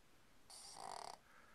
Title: Snoring Boston Terrier Anni